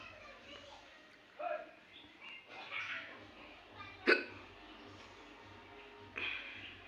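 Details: Woman with hiccups: several short, abrupt voiced catches a second or two apart, over faint room noise; hiccups.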